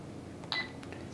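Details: A single short bright keypad beep in a quiet room as a Sigma Spectrum infusion pump is programmed for the IV alteplase loading dose (0.09 mg/kg, 75 kg patient): infusion pump keypad beep.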